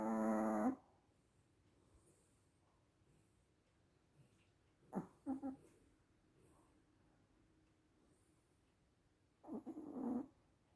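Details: Tiny 4 lb Chihuahua snoring loudly in sleep: a few rough, rattling breaths through the airway, separated by quiet pauses.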